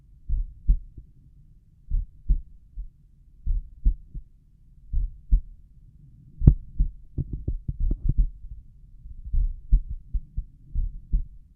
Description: Here’s another recording of my slow resting heartbeat for you all (sorry if you prefer my faster files!), this time recorded at my tricuspid valve.